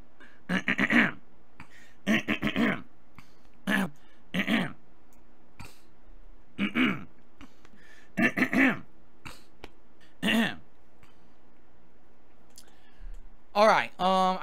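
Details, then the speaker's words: Adult man whose throat sounds strange but not sore, possibly from allergies: repeated throat clearing, about eleven short, rough, guttural bursts in clusters. "I'm sorry about my throat like I said I'm my stupid Allergies have been bothering me I do get heated my throat is sounding a little strange today it doesn't hurt but I think it's because of allergies"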